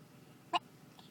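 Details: Young child with hiccups, trying to talk while being prompted to say words: a single short, sharp voiced catch against quiet room noise. One hiccup.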